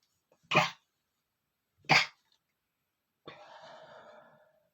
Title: sneezing male #20 (POWERFUL AND STIFLIED SNEEZING!!)